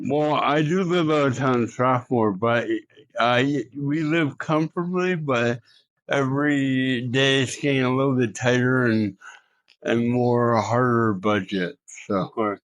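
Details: Adult male Olympian living with cerebral palsy; dysarthria (cerebral palsy).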